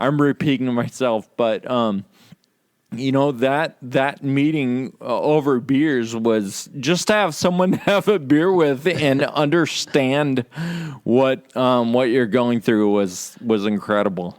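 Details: Adult with Friedreich's ataxia, in which slurred speech is a stated symptom; ataxic dysarthria (slurred speech)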